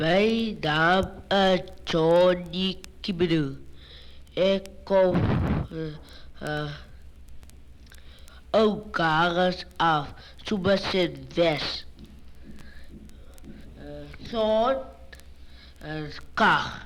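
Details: 9-year-old boy with precocious puberty, deep masculine voice: deep voice in precocious puberty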